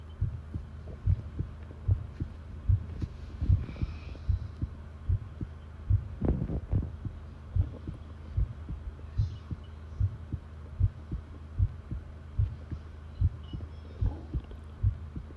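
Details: Heartbeat in a long recording: steady low thumps at about 74 beats per minute over constant low hum, with brief rustling noises.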